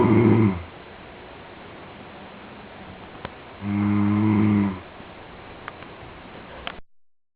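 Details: Male friend recorded sleeping without knowing it: two low, droning, vibrating snores about three seconds apart, with quiet breathing between them; snoring during sleep.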